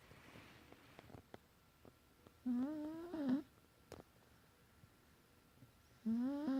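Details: Soft, tonal humming snores recurring with breaths, separated by quiet pauses and faint clicks; gentle snoring during sleep.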